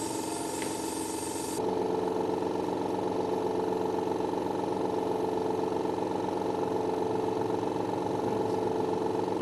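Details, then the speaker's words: Compressor nebulizer switched on for an adult male patient's inhalation therapy while he breathes normally; the medication is run until finished, usually in 10–20 minutes: steady, loud mechanical hum with a fast, even buzz. "ini alatnya obatnya saya hidupkan nah nafas biasa ya"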